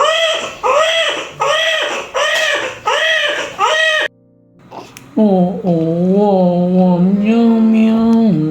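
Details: Newborn's first cries right after a normal vaginal delivery: rhythmic, strong cries in regular bursts, then a sustained wail, with background voices, applause and music; a vigorous cry after birth.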